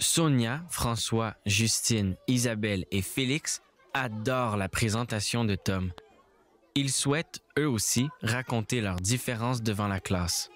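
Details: Adult male narrator reading French; normal speech.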